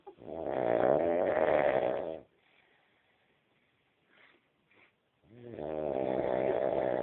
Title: Funny snoring 3